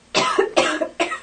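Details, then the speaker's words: Three quick, dry, deliberate coughs in a row, acted by a subject for a demonstration of coughing. "you will now see a series of coughs and sneezes performed by random subjects their coughs will be judged by our panel of three infectious disease experts"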